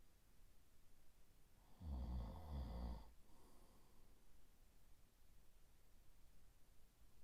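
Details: Sleep ASMR recording of a boyfriend snoring through the night: one deep, low, rumbling snore lasting about a second, then quiet breathing in a hissy room; snoring during sleep.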